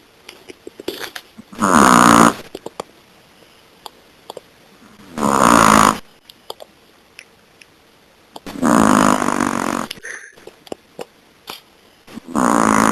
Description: Zoey the Chihuahua taking a nap and sawing logs with a mean snore after eating too much Thanksgiving turkey.